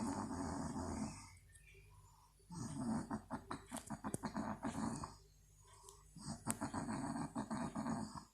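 Loud, rough, rattling snores in cycles a few seconds apart, with quieter breaths between; heavy adult snoring.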